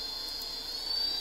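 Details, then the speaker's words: Homemade low-cost ventilator built from a CPAP blower, starting in low-pressure continuous CPAP mode: steady high-pitched motor whine with airflow hiss, rising slightly near the end as the speed steps up. "it starts off in a low pressure level CPAP mode so it's blowing continuously right now with the air pressure and this will push air into your lungs"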